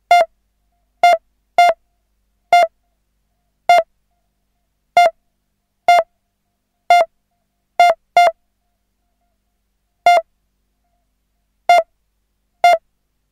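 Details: Synthesised hospital pulse monitor sound effect: irregular beeps at about 65 a minute, unevenly spaced with close pairs and long gaps, a simulated erratic pulse.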